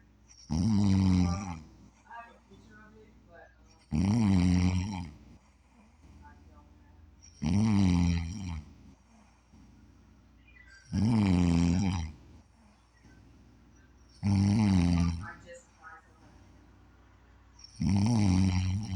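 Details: Loud, regular rattling snores on each in-breath, about 17 a minute, with quiet breathing out between them; ordinary snoring.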